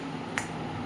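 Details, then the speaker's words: Single sharp click over low background hum: one pulse of a PEMF (pulsed electromagnetic field) loop therapy machine applied at a joint. "So in each level you can hear the sound also that magnetic field has been increased."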